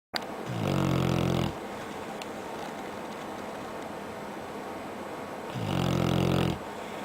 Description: My Rednose Pitbull puppy Lucifer. Sleepnig in his bed after a day of playing outside. Snoring as always.